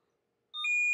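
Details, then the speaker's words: Electrosurgical unit return electrode monitoring high-limit test: resistance slowly increased until the alarm trips at 143 ohms (ideal 145–155). Silence, then a sharp steady high-pitched electronic alarm tone. "so I'm going to get this higher unplug this reset the alarm and I'm going to to increase the resistance slowly until I get an alarm"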